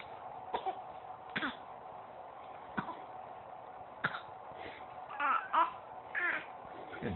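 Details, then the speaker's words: 16-week-old baby girl gives several short, soft deliberate coughs between babbling, fake coughing for attention; she also learned to fake hiccup the day before; voluntary (fake) cough. "real hiccup fake coughing for attention she learned how to fake hiccup yesterday"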